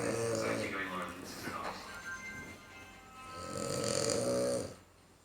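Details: French Bulldog: two snorting, rattling breaths separated by a quieter gap, with faint background music; snoring.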